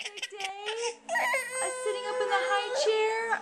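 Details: Young child crying in high, tonal wails with short breaks, then a long sustained cry; recorded with a Flip Video camera.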